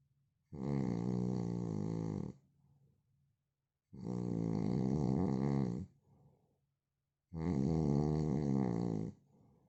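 Loud, long, vibrating snores, about 3 in ten seconds, each followed by a brief quiet out-breath. Heavy snoring.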